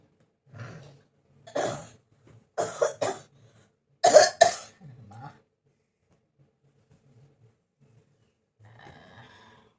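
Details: Persistent cough lasting many days: about six dry coughing bursts, some in quick pairs, then quiet breathing.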